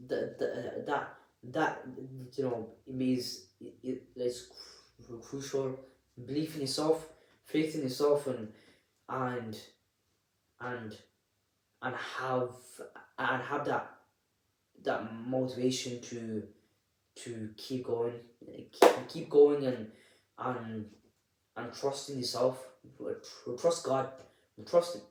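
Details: Adult presenter who stammers, speaking unedited; repetitions of words and syllables are audible; stuttering.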